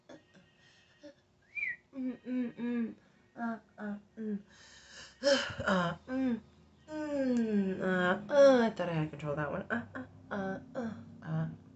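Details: An adult recording their new tics during a tic attack makes bursts of short, repeated voiced sounds, squeaks and pitch-sliding calls: vocal tics.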